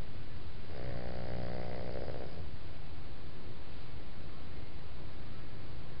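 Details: One low, rattling snore on an in-breath over steady background hiss; snoring.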